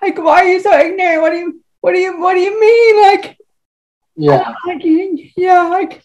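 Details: Woman with cerebral palsy who uses a wheelchair; dysarthria (cerebral palsy).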